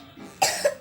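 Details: A single short, abrupt cough with a brief voiced tail from a child while talking.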